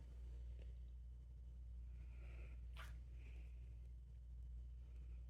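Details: Male pet sneezing: one brief, sharp sneeze over a steady low background rumble.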